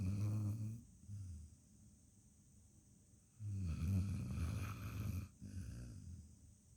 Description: My dog Kodak sleeping peacefully and snoring